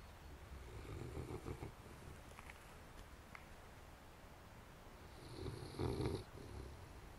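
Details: Snub-nosed sleepers sniffling and snoring: two soft, rough low snoring breaths several seconds apart against quiet room noise; snoring.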